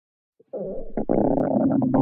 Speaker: hello boys and girls listen to the sound of my stomach growling